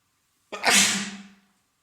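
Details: One explosive sneeze with a voiced tail fading over about a second, from an adult man with a common cold caught days earlier; three days of congestion, a stuffed yet runny nose and a sore throat.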